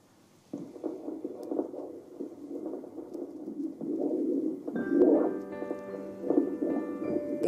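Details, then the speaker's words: Fetal heart sounds by Doppler in a twin pregnancy, first twin: rapid, regular whooshing pulses with a baseline rate of 153 beats a minute, normal (120–160). "Et là, on va écouter les bruits du cœur de votre bébé. Pourquoi les bruits du cœur du bébé? Simplement pour avoir la bonne vitalité de l'activité cardiaque de votre enfant. Il a un rythme de base qui est parfait, il est à 153 là, donc c'est entre 120 et 160."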